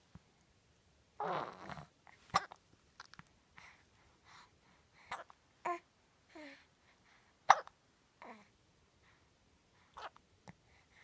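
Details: 4-month-old baby girl with hiccups every day, at least once and usually several times daily: quiet, abrupt little catches of breath, about twelve a minute and somewhat irregular, in a small room; infant hiccups.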